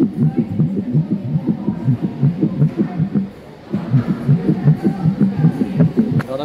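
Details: Recorded real human heart sound played at a science centre exhibit: steady, rapid low thumps in paired lub-dub beats, with a brief pause midway: heartbeat.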